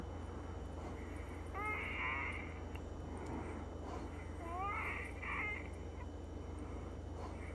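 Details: Female with Down syndrome, recurrent wheezing about 4 hours after Arformoterol and Pulmicort 0.5 mg nebulizer treatment following reduced treatment plan; high whistling musical tones over low hum.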